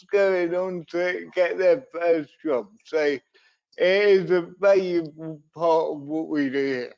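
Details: Dysarthria in an adult man with cerebral palsy, a brain injury sustained through an accident at birth; he also reports being wobbly and unsteady on his feet.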